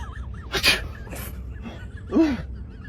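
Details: Fake, imitated sneeze performed as a prank: two loud, hissing sneeze-like bursts over background noise, followed by an angry reaction; simulated sneezing.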